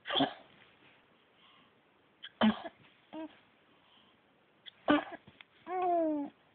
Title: sneezes!